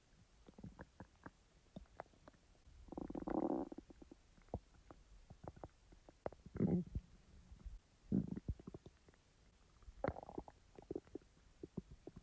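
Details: Gurgling abdominal rumbles with clicks and several louder growls after eating; ordinary bowel sounds (borborygmi).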